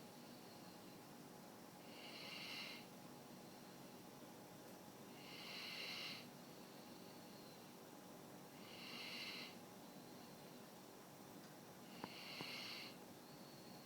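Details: Quiet snoring: soft, regular hissing breath noises about every three and a half seconds, roughly 18 a minute, over a steady room hum.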